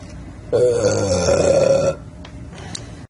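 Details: Young Latino male, compilation of gassy moments: one long, loud, rumbling belch lasting well over a second, then quiet room noise; burping.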